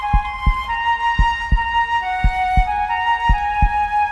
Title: EPIC MUSIC HOPEFUL WAITING, Calm Epic Music, Heartbeat Sound